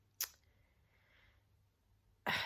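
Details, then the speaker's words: Adult who tested positive for COVID-19 after 4 days of symptoms (Oct 2022): two short, dry, weak coughs in a quiet room, described as a really pathetic cough. "um so as you can hear it sounds like a really pathetic cough"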